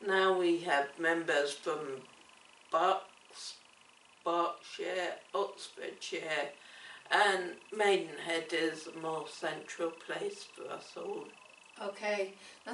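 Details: Woman with cerebellar ataxia affecting her coordination, speech and swallowing; ataxic dysarthria.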